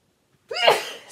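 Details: A woman sneezes once while talking on her knitting podcast, then says excuse me: one sudden voiced sneeze bursting out of silence and fading over half a second; a single ordinary sneeze.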